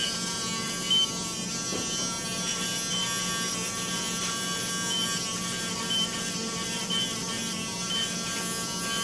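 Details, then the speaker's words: Reciprocating power rasp filing down a calcaneal heel spur during plantar fascia release surgery: steady high-pitched buzzing whine. "Here's a small piece of the plantar fascia that I've removed that was connected to the bone to reveal the bone spur so I can file it down."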